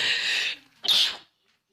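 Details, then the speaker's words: Woman with allergies/sinus trouble, lost voice and smell sensitivity: a hissing breath, then one sharp, high-pitched sneeze, then silence. "I'm about to sneeze you guys caught it here excuse me"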